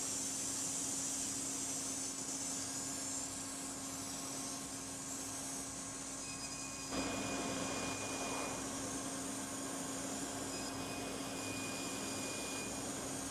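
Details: Edge 1 fractional CO2 laser facial treatment in a live educational demo. A steady blowing hiss of cooling air with a faint hum and high tones is heard.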